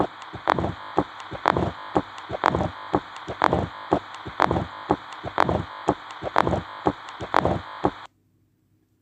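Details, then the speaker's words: Mitral stenosis, best heard at the apex in left lateral position: low-pitched rough rumbling mid-diastolic murmur with opening snap, no typical radiation, regular heart sounds near 61 a minute; teaching recording. "It is a low pitch murmur with variable intensity and mid diasistolic murmur usually with opening snap. Again hear this murmur."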